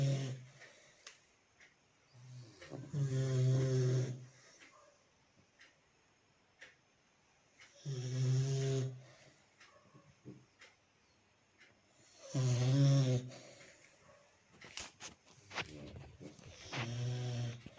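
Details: Two animals nose snoring: four loud, low rumbling snores, each lasting one to two seconds, with quiet pauses between them, about 13 per minute.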